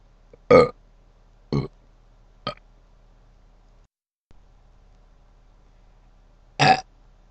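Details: Four separate throaty burps in a quiet room, the first and last loudest; ordinary belching.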